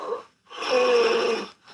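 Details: A short breath, a brief gap, then a loud, harsh snorting gasp as breathing restarts during sleep, presented as dangerous snoring: snoring with obstructive sleep apnea.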